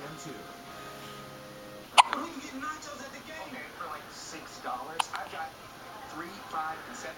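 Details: Hiccups in a young child: two sharp, sudden little hiccups about three seconds apart, with soft adult talk and faint music in the room.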